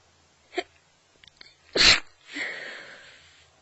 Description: Woke up with my nose completely blocked. Recorded these while I was still in bed. There's no deliberate stifling, its all from the congestion (believe it or not).